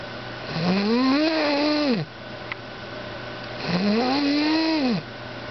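Two loud, drawn-out snores with a rising then falling tone, one every three seconds or so, against a faint steady hum: loud snoring.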